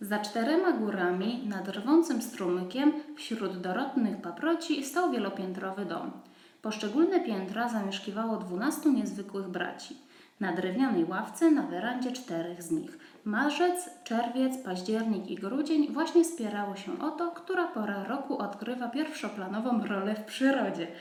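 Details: Adult woman after rhotacism therapy, about four months after the first recording; /r/ now correct in every context with no return to the uvular r; corrected /r/ after rhotacism therapy.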